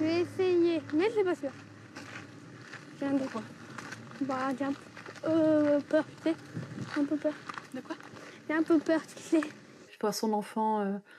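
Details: Stuttering lasting for years in an 11-year-old boy, not resolved by speech therapy and child psychiatry, during a 3-day breathing-based stuttering course in Paris.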